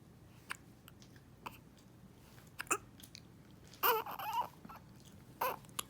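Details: Newborn baby with hiccups: brief, sharp hiccup sounds about every second, with a short whimper in between.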